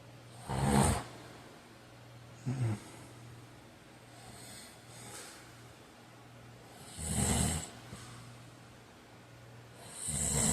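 Intermittent rough, snorting breaths during sleep over a steady low hum, consistent with snoring.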